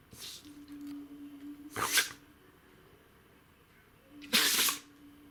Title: Dog sneeze attack / Собака чихает